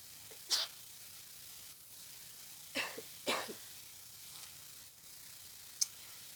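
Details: Sneezing with a head cold, nose tickling all day, with dizziness and headache: faint, brief, hissing nasal bursts over a steady background hiss; small congested sneezes.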